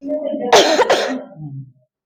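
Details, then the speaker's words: 5-year-old girl with cold, cough, runny nose and sore throat, her chest congested on exam; a cough heard during the examination. "इसके parents जो है complaint कर रहे हैं कि इसको गला खराब है, खांसी, देखो ये खांसी भी कर रही है साथ में, ठीक है।"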